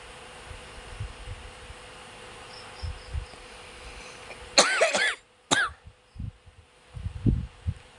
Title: sorry for the cough